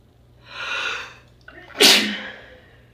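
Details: A rising inward breath, then one sharp, explosive sneeze that trails off, late at night, which the person attributes to dust; a single sneeze.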